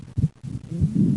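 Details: Paradoxical (reversed) splitting of the second heart sound in left bundle branch block: S1–P2–A2 split heard on breathing out, single S2 with inspiration; alternating out/in breathing cycles.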